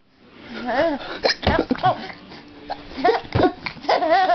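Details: Hiccups in a young child: babbling and laughter broken by short, abrupt catches in the voice.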